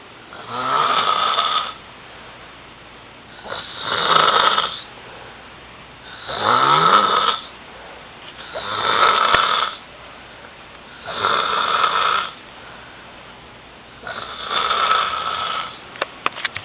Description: Friends fall asleep and snore heavily after the work out has been done